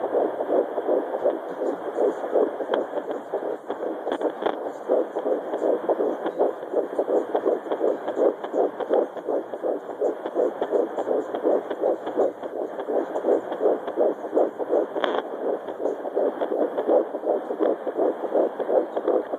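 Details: Fetal Doppler at 12 weeks of pregnancy: rapid, regular whooshing fetal heartbeat at about 165 beats per minute.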